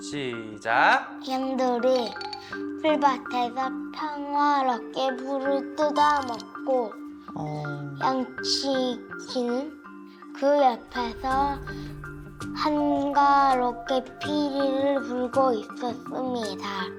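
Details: Korean second-grade boy with Tourette syndrome and nine kinds of tics, taking 13 pills of medication, reading a passage aloud in a reading test; a clinician says he has both dyslexia and dysgraphia; dyslexia (slow, effortful oral reading).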